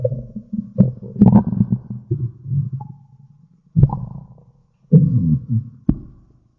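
Low gurgling rumbles in several bursts with pauses between, typical stomach growling; ordinary bowel sounds.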